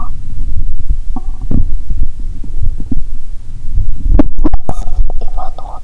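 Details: Abdomen heard through a stethoscope after drinking cola with Mentos, with a painful belly: low rumbling and gurgling with a few sharp pops over a steady hum, active bowel sounds (borborygmi).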